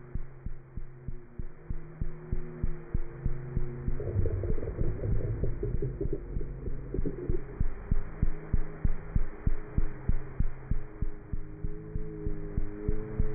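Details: Cat's heart heard through a stethoscope: fast, steady soft thumps at about 190 a minute over a low hum; normal cat heart sounds.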